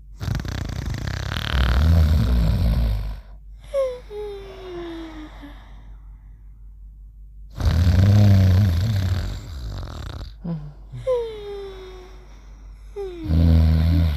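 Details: Mimi and Trusty sleeping together: loud, deep rumbling snores on each breath with a thin whistling tone between them, about 10 breaths a minute; snoring.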